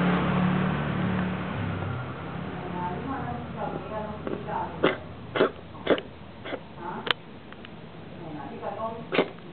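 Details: Cat coughing, recorded 2013: quiet start, then about six short, harsh bursts in a loose series; repeated coughing.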